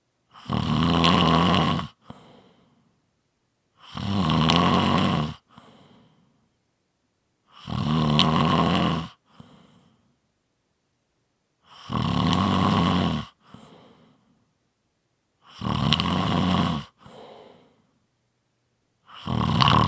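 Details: Loud, rough snores on each breath in, each followed by a short soft breath out, about 15 breaths a minute; snoring.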